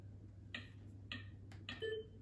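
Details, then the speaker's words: AED training demonstration during CPR: the AED's metronome gives regular electronic ticks about every half-second to pace compressions, counts 30 compressions and prompts 2 breaths, with steady room hum. "So now you can see how this is running through. It's going to help you keep on pace. It's going to time you once again for those breaths."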